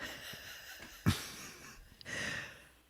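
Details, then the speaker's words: A sleeping dog's noisy breaths with a sharp snort and a faint whistle on a rasping breath, against quiet room noise during a podcast recording: ordinary snoring. "what is that noise the the dog snoring yeah Willie willly snoring Willie snore quietly we're podcasting over here"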